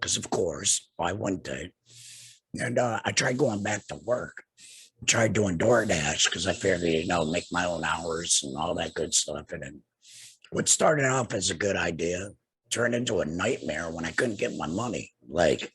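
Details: Tracheoesophageal speech in a man two years after laryngectomy for laryngeal cancer, using a tracheoesophageal puncture (TEP) voice prosthesis and finger-occluding his HME stoma cover to speak.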